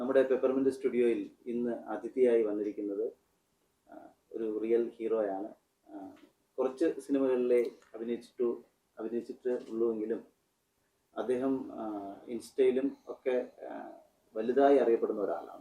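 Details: Adult male speaker; Normal speech.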